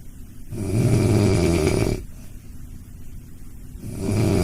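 A sleeping dog gives loud, rattling low snores on the in-breath, with quieter breathing between them.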